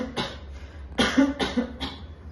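Four short, dry, hacking cough bursts from the throat, imitated for teaching: a laryngeal cough arising from irritation in the larynx.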